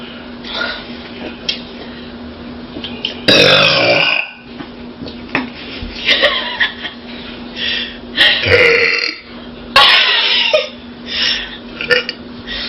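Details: Friends burping for fun after drinking soda: several long, loud, gurgling belches in a row over a steady background hum.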